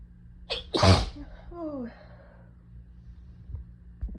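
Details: On day 1 of a head cold, a quick inward catch, then one forceful sneeze trailing into a falling groan.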